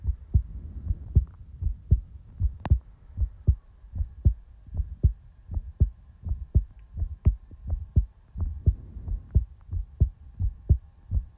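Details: Steady, regular paired low thumps of a normal heartbeat, about 75 per minute, over a faint hum; heartbeat ASMR recording in real time.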